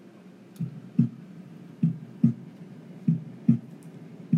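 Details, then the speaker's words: Regular paired lub-dub heart sounds at about 50 beats a minute, normal S1 from atrioventricular valve closure and S2 from semilunar valve closure, a reference recording played for teaching cardiac auscultation. "and so the love is again the nature of ventricular valves closing and the dub is the semilunar valves closing okay"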